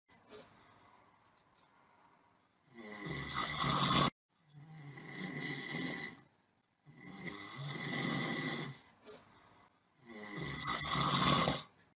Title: Uçak Kaldıran Kedi / Snoring cat